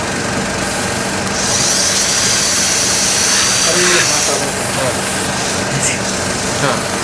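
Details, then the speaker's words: Surgical cutter drilling a vertical osteotomy for a basal (BOI) implant in the mandible with only 3 mm of bone height above the mental foramen: loud high-pitched whining with grinding. "the vertical cut good so the osty is progressing"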